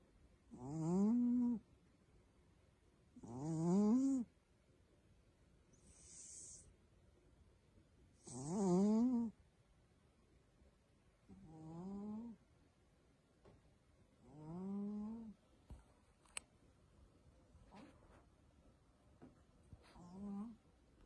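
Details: A sleeping pet cat snores with rhythmic, tonal, rising squeaky snores at about 22 a minute, each with a hissy out-breath; snoring.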